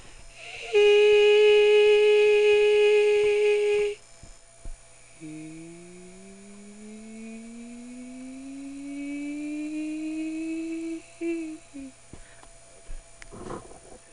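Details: Soft falsetto sung glides in a vocal cord swell test by individuals with vocal fold swelling or bumps (possibly nodule, cyst or polyp); pitch breaks and onset delays, with a higher break note meaning a smaller bump.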